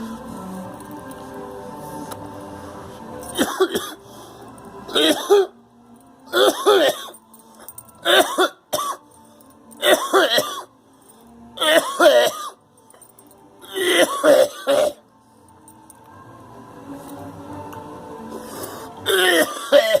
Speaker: got this cold and it won't go away. It goes away for a few days and comes